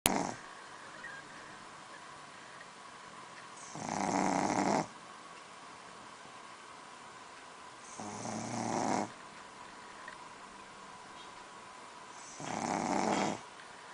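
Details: Shih tzu with harsh, rattling snores roughly every four seconds, about 14 breaths a minute, with quiet pauses between; snoring.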